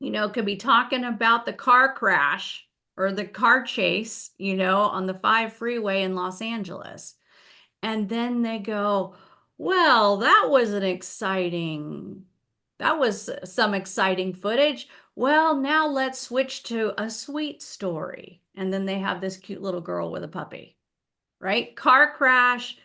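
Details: Adult woman speaking; typical speech.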